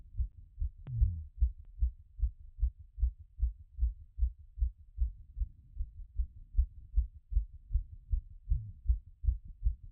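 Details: Own heart auscultated through a stethoscope after a workout; rate peaked around 180 and was settling: clear, regular, brisk heartbeats easing from exercise peak.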